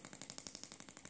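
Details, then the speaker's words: Gymna Shockmaster 300 radial shockwave at 1.6 bar, 12 Hz, 20 mm head with gel, treating grade 2 leg cellulite using repeated upward sweeping passes: rapid, evenly spaced sharp clicks, about twelve a second. "this is Method number two where you run a series of shocks up the leg stop come back down to the bottom and run a next series of shocks up the leg stop once again come back down and keep sweeping up"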